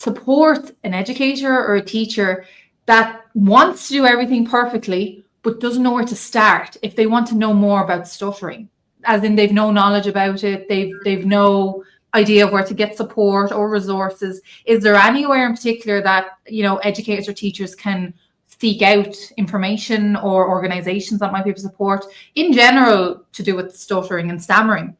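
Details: Adult woman speaking; Normal fluent speech.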